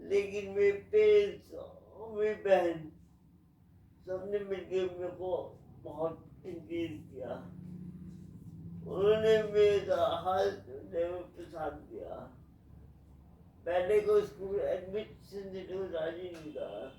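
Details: Adult man with cerebral palsy; the video names only cerebral palsy, not a specific speech disorder; dysarthria (cerebral palsy).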